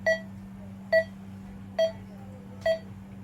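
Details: Pulse oximeter pulse tone from a Primedic DefiMonitor EVO monitor-defibrillator during an SpO2 measurement demonstration, with results shown on screen.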